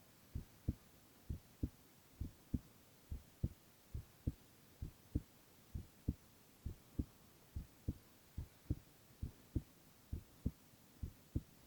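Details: Male ASMR recording of his own heart: steady, soft, regular thumping heartbeat at about 67 per minute with no extra sounds; normal heart sounds.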